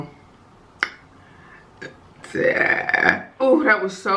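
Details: Repeated loud, drawn-out voiced burps during a mukbang eating session, with the eater saying "excuse me" between belches in a small room.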